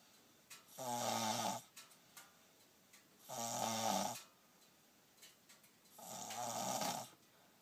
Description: He gets this from his Daddy. If only snoring were an olympic event...